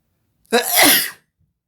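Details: Sneeze triggered by black pepper on hummus: a single loud, explosive sneeze with a sharp intake and forceful hissing release, then silence.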